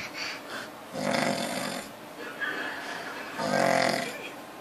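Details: Father snoring: loud, rough, rattling breaths recurring in a slow rhythm.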